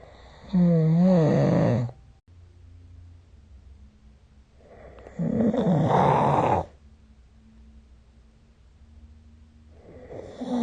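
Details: Snoring during sleep recorded with the SnoreLab smartphone app: loud, rough snores on the in-breath, about 12 a minute, with quiet breathing between them.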